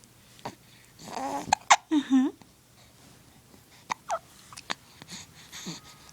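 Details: Baby in the early morning with hiccups: short, abrupt infant hiccups mixed with soft cooing in a quiet room, while an adult talks to the baby.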